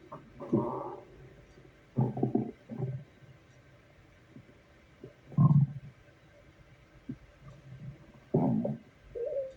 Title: Stomach growling at work.